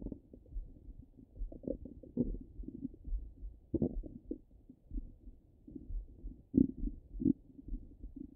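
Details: Stomach rumbling from the belly: irregular low gurgles and rumbling, bubbling sounds; ordinary active bowel sounds.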